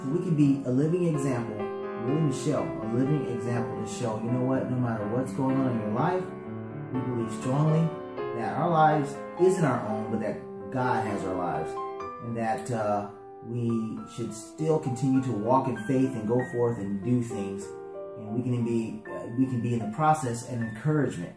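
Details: Adult man speaking; ordinary speech.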